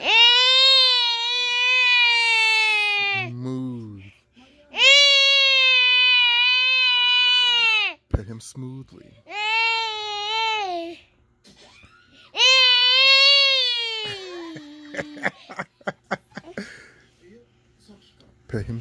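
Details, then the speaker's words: Infant crying during tummy time with real tears: three long, loud, high-pitched wails with short breaks, fading to soft whimpers and fussing. "are you okay now look at these real tears seriously ah damn yes ma'am"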